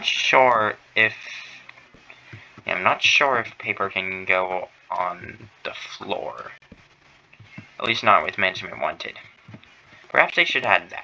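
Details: Stuttering in a male streamer who says he stutters, on his first stream; includes phrase repetition ('next we need to').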